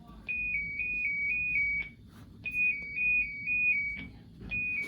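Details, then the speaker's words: Repeating high two-tone warbling siren in bursts from a LifeVest wearable defibrillator, played after the vibration to warn the wearer before a shock; simulated patient-training demonstration. "So, you're going to feel the vibration and then you're going to hear the siren alarm."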